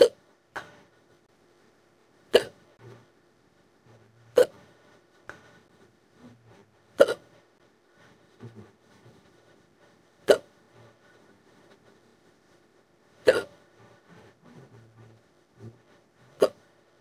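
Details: AI-made imitation of a female character with severe hiccups while her back is rubbed: about seven sharp, regular hiccups every two to three seconds with quiet rubbing between.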